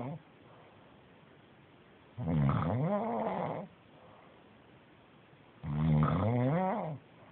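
Two loud, rough, rattling snores, each lasting over a second, about 17 breaths a minute, with quiet breathing between. Snoring.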